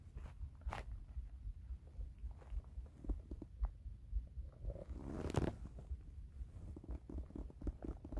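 Quiet low gurgles and soft squelching pops from the belly, consistent with hunger stomach rumbling.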